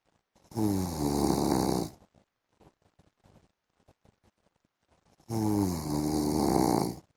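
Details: Adult man (husband) snoring during an afternoon sleep: two loud, rattling snores on inhaling, about five seconds apart, with quiet breathing between, background music; snoring.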